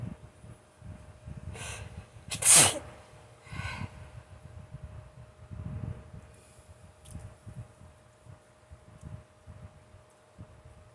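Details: On waking in the morning, a short inhaled build-up, then one forceful, explosive sneeze, followed by quieter breathing; hard morning sneezing.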